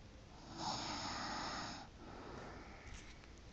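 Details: A single snore: one rough, rasping breath noise lasting about a second, then quieter breathing.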